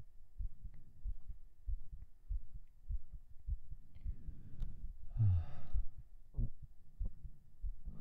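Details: Binaural recording of a normal heartbeat right after 37 push-ups, day 18 of a strength-training series.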